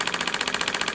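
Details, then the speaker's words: Shockwave therapy handpiece, used with ultrasound gel, on the foot of a patient with plantar fasciitis during the discovery phase while searching for a tender point. It gives rapid, rattling, machine-gun-like acoustic pulses into the tissue. "here is the machine there a device where it's oscillating back and forth creating sound waves into the tissue"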